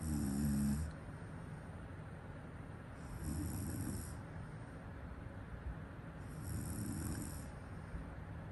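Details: Ordinary sleep snoring: three low, rumbling snores about three seconds apart, roughly 20 breaths a minute, over steady room hiss.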